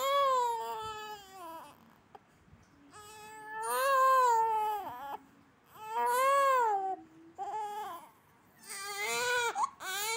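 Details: One-month-old baby: rhythmic, strong, tuneful cries in long bursts with pauses for breath; ordinary infant crying.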